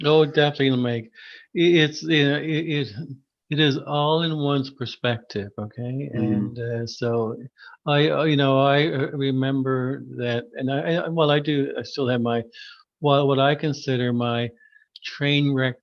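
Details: Adult who stutters, formerly severe and covert stuttering with secondary characteristics; repeated words heard; stuttering.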